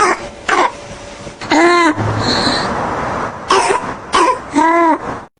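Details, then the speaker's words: Child with acute laryngitis causing laryngeal swelling: several harsh, voiced, dog-like coughs. This is the barking cough of croup, presented as a warning sign of airway obstruction. "如果说在咳的时候出现这两种声音呢，那就要重视了。第一个，像这种犬吠一样的咳嗽，大家听一下这个声音。"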